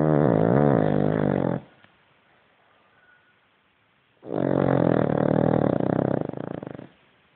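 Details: Sleeping Cavalier King Charles spaniel: two long, loud, buzzing snores with a growl-like quality and a pause between; snoring.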